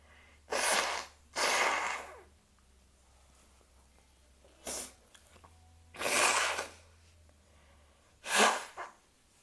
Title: loud sneezes (warning for headphone users) and nose blowing